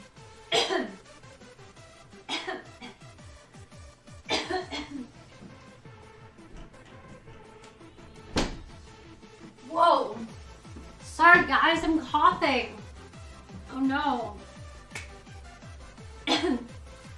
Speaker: oh guys I got a cough